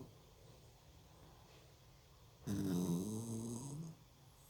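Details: A dog sleeping on its back in a quiet room gives one loud, low, rattling snore lasting about a second and a half.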